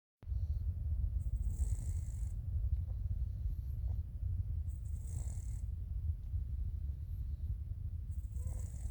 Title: Cute cat snoring wakes himself up